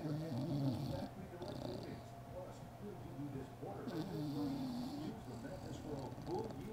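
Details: A sleeping bulldog puppy, exhausted after a day at the dog park, makes loud, rumbling, fluttering snores with a rough, steady rattle through each breath, with faint television narration in the background: heavy snoring.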